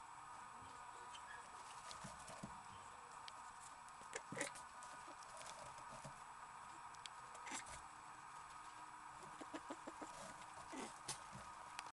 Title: SANTÉ : Cas de mycoplasmose 2/2